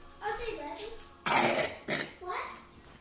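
A child vocalizes, then gives two sharp, abrupt coughs, followed by more brief voicing.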